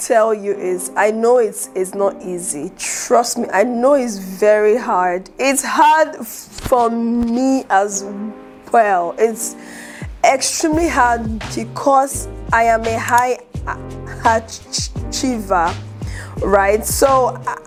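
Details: Adult woman who stutters and is an aspiring public speaker, with word and phrase repetitions heard; stuttering.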